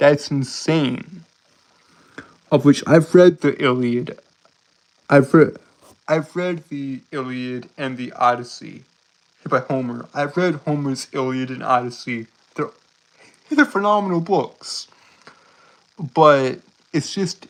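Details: Stuttering in a male streamer who reports a speech impediment that makes him stutter and trip over his words.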